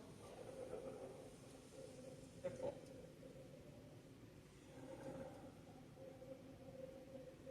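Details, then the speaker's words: Teaching example of rhonchi: low-pitched, rumbling, gurgling breath sounds like gurgling water in waxing cycles, from secretions in the larger airways; may clear with coughing. "Sounds like gurgling water. Hear that? They're full."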